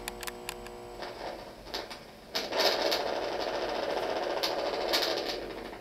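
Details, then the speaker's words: EMG-guided botulinum toxin injection into a neck muscle for cervical dystonia: rapid, irregular machine-gun-like crackling from muscle activity at the needle tip, fading as the drug is injected. "that machine gun sound was emu signal and it goes away as the fluids are done how is that the tip of the needle as you start injecting the drug into the muscle"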